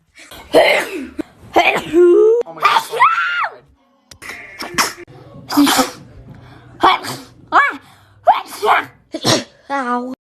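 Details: A run of short, sharp voiced sneezes from a girl, with high-pitched cries or gasps between them and faint music behind; sneezing.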